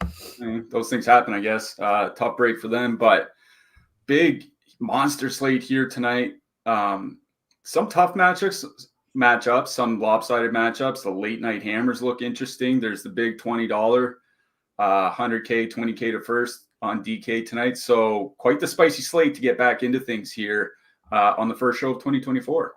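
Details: Adult male speaker; Normal voice.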